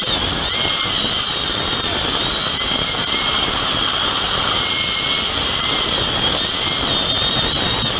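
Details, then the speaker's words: Upper second molar sectioned with a diamond bur before immediate implant placement, roots fused like a single root: steady high-pitched high-speed dental drill whine with water spray as the molar is cut apart. "Tốt hơn là tôi nên cắt nó đi Làm ơn cho tôi một mũi khoan kim cương Một ít nước chảy ra"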